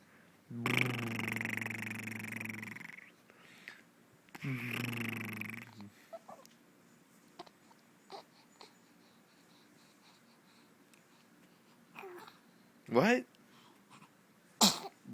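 Several sudden sharp bursts like small sneezes, with a couple of longer vocal sounds beforehand; repeated sneezing.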